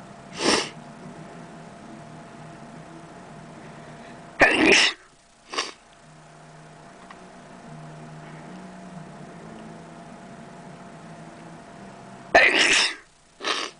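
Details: Person filming themselves sneezing: four sharp, explosive bursts in two pairs, each a loud sneeze then a smaller one, over steady low room hum; sneezing.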